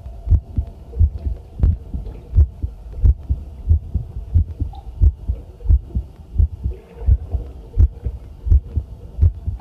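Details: Own heartbeat recorded with homemade field stethoscope microphone during housework: steady lub-dub about 87 beats a minute, faint running tap water and clinking tableware behind; normal heartbeat.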